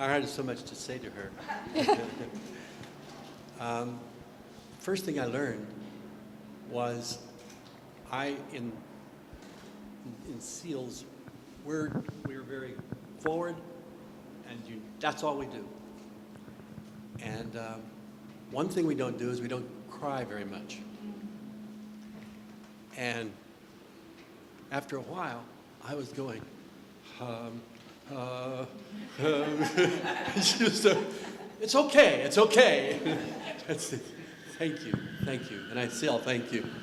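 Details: Aphasia, a language impairment from trauma to the brain's language centres, in an adult male US Navy veteran.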